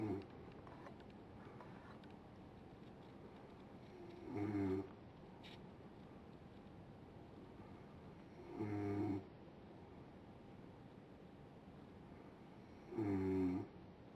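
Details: Adult woman snoring during sleep: three short, buzzing snores roughly four seconds apart, about 14 a minute, over quiet room hiss.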